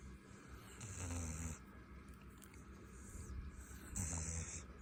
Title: My puppy snores when I pet his ears lol (he's loud) #puppy #dog #fyp